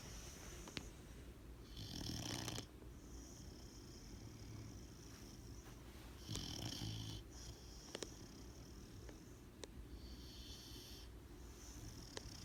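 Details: Tired girl snoring while asleep: soft rasping snores recurring about every four to five seconds, roughly 13 a minute, over steady room hiss.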